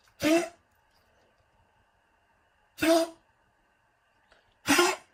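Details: Dog coughing in a quiet room in the morning: three separate, short, harsh coughs a couple of seconds apart.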